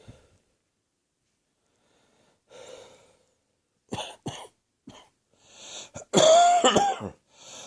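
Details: Adult with a cough settling into the chest: short run of harsh, loose coughs after an in-breath; chesty cough.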